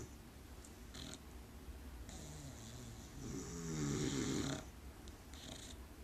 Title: Dog and Boyfriend Snoring